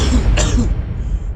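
A single short, harsh cough burst from an adult, acted for comedy, over low background rumble.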